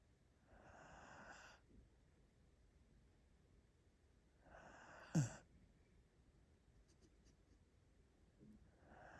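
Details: Soft, raspy, noisy breaths about every four seconds in a quiet room, with one brief knock, from Mika, a drowsy 6-month-old Border Collie puppy on the sofa; light snoring.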